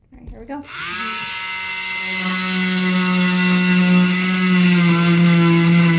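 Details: Oscillating cast saw removing a patient's final arm cast with cotton padding beneath. A brief click, then a high, steady whirring motor whine that rises and holds.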